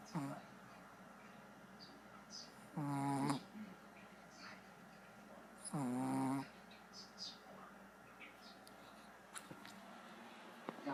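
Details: Two drawn-out whistling buzzy snores about three seconds apart from a 9-month-old female Shih Tzu dog, over quiet room noise.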